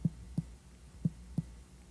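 Four hollow, drum-like percussion taps over the left upper abdomen, giving the normal tympanic note of the air-filled stomach.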